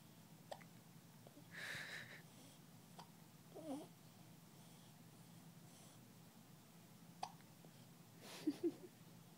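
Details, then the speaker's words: Newborn boy, 17 days old, born at 5 lb 15 oz and 20 inches long, hiccuping: faint, sharp little catches recurring every few seconds between soft baby sounds; infant hiccups. "You got the hiccups, baby."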